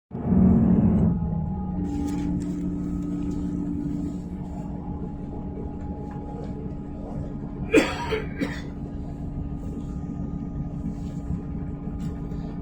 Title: Mature Male Smoker Coughing in Train (5)